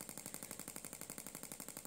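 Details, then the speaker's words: Radial shockwave handpiece (Gymna Shockmaster 300, 20 mm head, gel) firing at 1.6 bar, 12 Hz, about 4,000 shocks for grade 2 cellulite: rapid, even clicking pulses about twelve per second. "1.6 bar 12 Hertz 10 Hertz for about 4,000 shocks in this case doing the shocks at 200 shock intervals does seem to be effective actually for shock for cellulite the shock wave does seem to break down the divisions underneath the skin"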